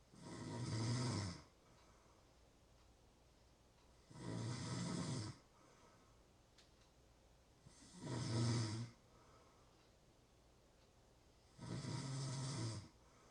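Four even, rumbling snores on each in-breath, about 16 breaths a minute, with quiet gaps between. Ordinary steady snoring.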